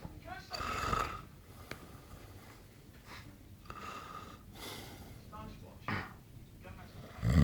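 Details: Adult snoring during sleep after eight pints of Stella: loud, irregular snorting snores with rattling breaths, coarse and animal-like, likened to a farm animal.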